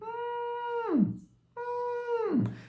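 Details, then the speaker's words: Adult vocally imitates the high-pitched, whistle-like wheeze (sibilância) of infant bronchiolitis, likened to a cat's meow or a little whistle, as contrasted with snoring or nasal noise. "Bem, gente, a imensa maioria dos quadros de bronquiolite vão ter sibilância, que é o chiado, o piado, que é um ruído semelhante ao miado de gato, né? Que é mais ou menos assim,"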